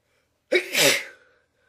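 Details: Person trying not to sneeze: one sharp, partly held-back sneeze with a brief breath before it, then a fading hiss.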